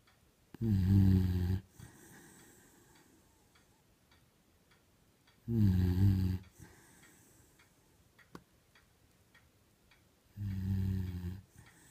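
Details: Loud, low rattling snores roughly every five seconds with quiet breathing between, from a sleeping 10-year-old Beagle; snoring.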